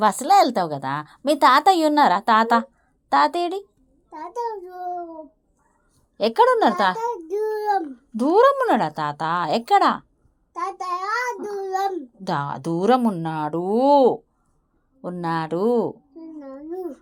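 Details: 3-year-old child with a cochlear implant after one year of auditory verbal therapy, in Telugu conversation with a therapist; speech of a child with a cochlear implant.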